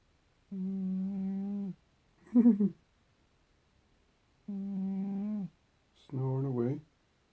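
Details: A sleeping cat snores loudly: a long, steady, buzzing in-breath, then a short rattly out-breath, repeating; snoring.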